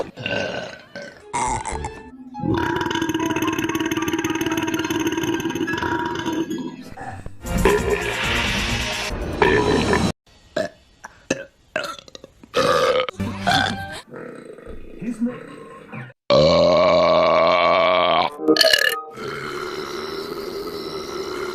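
Long, loud belches from cartoon characters with music and sound effects between them.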